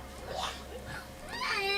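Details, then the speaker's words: A baby grandson with cerebral palsy crying after biting his hand: a brief, rising wail heard at a distance over low room noise. "My grand my baby grandson is crying. You can hear him. He has cerebral palsy. I get nervous when he cries."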